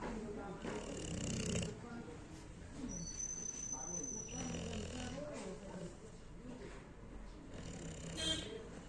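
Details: Pit bull terrier dog snoring while asleep: low, rough snoring breaths with faint room noise in the background.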